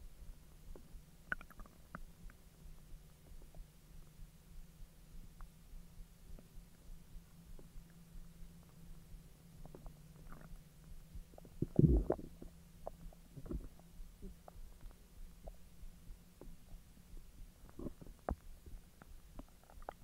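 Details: Stomach empty for 10 hours, then hotdogs eaten and being digested: quiet, low steady rumble with scattered soft pops, clicks and gurgles; ordinary bowel sounds.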